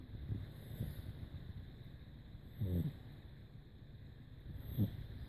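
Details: Sleeping pugs snoring: faint, irregular snorting snores, partly masked by steady background hum.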